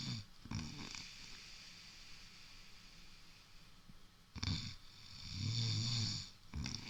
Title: Snoring giant